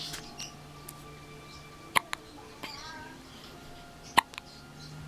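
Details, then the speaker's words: Hiccups in a 5-day-old newborn boy: two sharp, brief clicks about two seconds apart over quiet room noise. "Hey, honey. You got the hiccups?"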